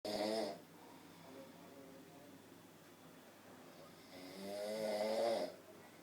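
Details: Man asleep: two rasping inhaled snores a few seconds apart, separated by quiet breathing; ordinary snoring.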